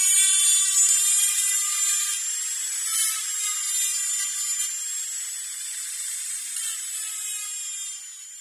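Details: Dentist-drilling sound-effect recording: high-pitched steady whine of a dental drill, slowly fading, with small room echo.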